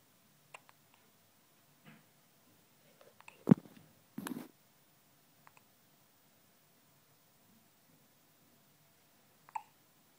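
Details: Lachlan having a bout of hiccups: abrupt, brief hiccup sounds with soft clicks between, in a quiet room.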